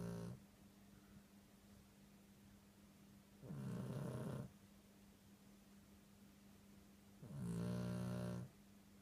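Low, rattling snores lasting about a second each, separated by quiet pauses of about three seconds, in a quiet room.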